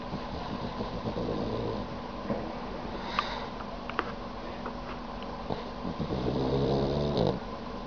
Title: Dog snoring with tongue out 可爱狗狗伸出舌头打呼噜